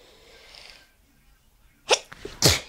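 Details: End of a sneezing fit at night: two sharp, explosive sneezes after a quiet lead-in; ordinary sneezing.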